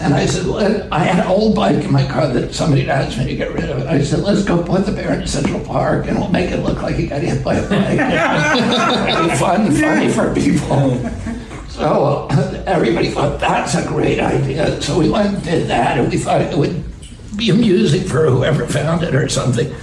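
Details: Adult male public figure, clip of natural conversational speech; he attributes his voice to a vocal condition, spasmodic dysphonia (self-reported, as relayed by a podcast host); spasmodic dysphonia.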